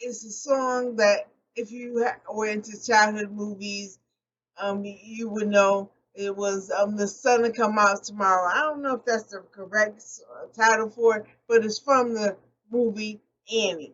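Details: Post-stroke aphasia in an adult woman, speaking unscripted and not always correcting her errors.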